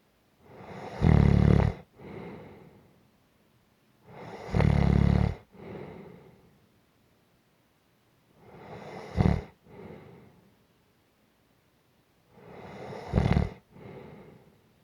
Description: This is a 4 minute clip of gentle snoring.